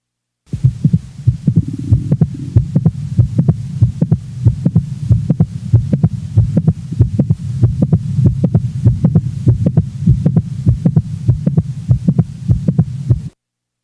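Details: Stethoscope recording from a normal 20-year-old female: regular heart sounds near 95 a minute with a sharp extra click in mid-systole between S1 and S2; typical mid-systolic non-ejection click.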